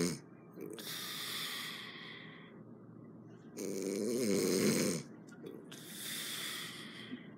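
Loud, harsh rattling snores alternating with hissing exhaled breaths, about three breath cycles in seven seconds; heavy snoring.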